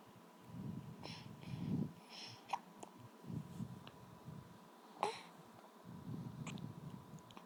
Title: Hiccups!